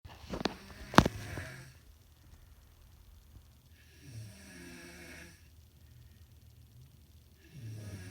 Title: SNORING VIDEO PART 2!! | LISTEN IN FULL VOLUME